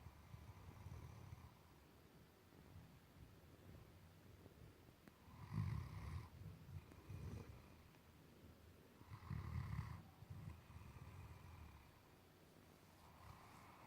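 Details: Snoring Great Dane: low, rumbling snores with each breath in a quiet room, with a few louder snorting pulls; ordinary dog snoring.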